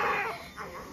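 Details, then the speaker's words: Brief, fading first cries of a newborn girl moments after an induced delivery, a very fast first birth; healthy newborn cry. "hi that was the fastest first baby i've ever delivered that was fast what did i say about you i know you're trying to cry i know there you go congratulations"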